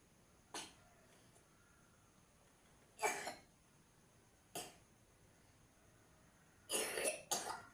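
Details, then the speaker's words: Boy coughing after waking up, with a parent suspecting it is from drinking iced drinks the day before: five short dry coughs in a quiet room, the last two close together. "Hm Kok batuk sih le kemarin minum Ais ya"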